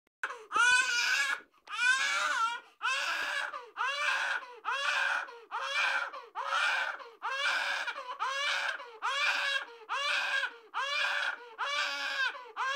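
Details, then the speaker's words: Newborn baby crying, said to be from pain of the fresh umbilical (navel) wound; loud, rhythmic bursts about one second long with brief catch breaths, around 35 cries a minute. "pusod lang kaya Umiyak eh kasi masakit yun syempre Sariwa pa yung sugat niya eh"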